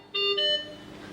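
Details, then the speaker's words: Anaesthesia machine check: oxygen pipeline disconnected with oxygen, nitrous oxide and air flows at mid range; brief two-tone electronic chime of the oxygen supply failure alarm. "disconnect the oxygen pipeline see that nitrous oxide and oxygen flows reduce consistently but oxygen flow comes down the last airflow continues and oxygen failure alarm should go off"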